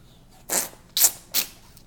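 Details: Three quick, hissing bursts in a row, heard as a run of small sneezes, from someone eating a raspberry popsicle.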